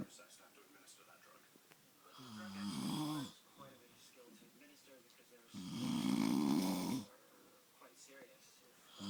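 Two loud, buzzing inhaled snores about three seconds apart, with quiet breathing and small noises in between: snoring.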